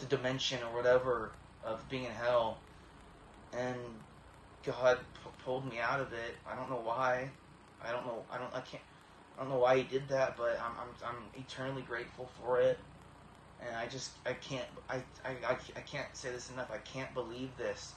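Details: Tourette syndrome in a young man with a 20-year history of severe tics, treated with deep brain stimulation at about age 12–13; tics now much improved but vocal tics and throat clearing persist.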